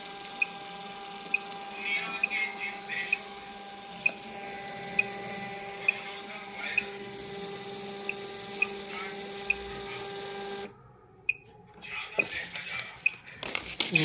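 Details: Philips ECG machine during testing: a steady electronic hum with regular sharp beeps at about 70 a minute, then a brief stop and handling noise; ECG machine running.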